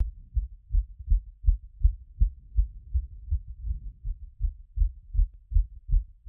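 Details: Own heart auscultated after a workout: quick, regular, strong heartbeats at about 90 to 100 a minute, already settling from a peak of around 180.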